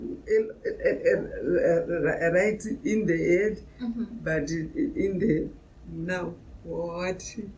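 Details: Brain injury survivor (exact injury unstated) living with acquired aphasia, speaking about group therapy; aphasia.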